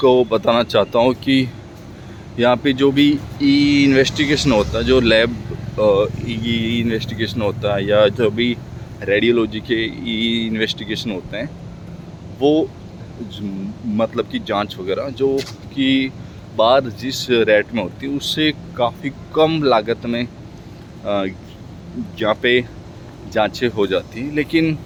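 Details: Stuttering in a Hindi-speaking man practising speaking, with word repetitions.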